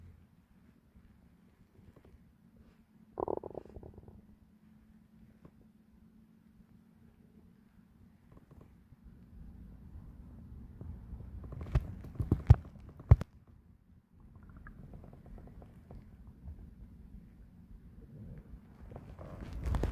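Low gurgling and rumbling from the abdomen with a few sharper squeaks and pops; ordinary stomach growling.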